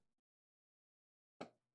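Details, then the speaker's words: A single sharp, brief pop rises from near-silence and fades quickly: an adult's knee popping (joint crepitus), anticipated aloud just before. "Oh, there it went. Hopefully y'all didn't hear that. That was a wicked knee pop."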